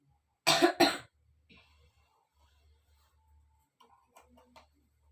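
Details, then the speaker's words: Simulated nursing demonstration of effective cough training: after three deep breaths, the young female patient gives two strong, forceful coughs in quick succession to expel secretions, then quiet room sounds. "Nanti yang ketiga kalinya Mbak bisa dibatukan dan mengeluarkan sekretnya ya Mbak."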